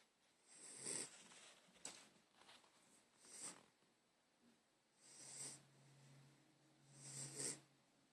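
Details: Soft, breathy, rhythmic snores about every two to three seconds with hissing air noise; snoring during sleep.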